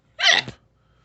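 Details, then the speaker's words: A person with ongoing bouts of hiccups, described as small ones, gives a single sharp, voiced gasping catch under half a second: one hiccup. "I got hiccups. Just small ones. I missed some of the bigger hiccups."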